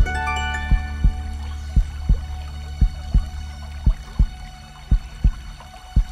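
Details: Heartbeat sound effect in calm epic music: paired low thumps, about 57 a minute, over sustained background music.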